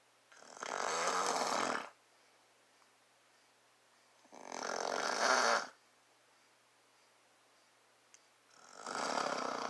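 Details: Adult man (a father) snoring in sleep, recorded up close to his face: three loud, rasping inspiratory snores, about 15 a minute, with quiet pauses between.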